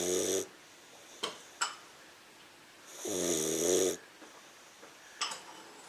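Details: 15-week-old English Mastiff puppy snoring: two loud, buzzy, rattling snores about three seconds apart, with soft snorts and clicks between, in a quiet room.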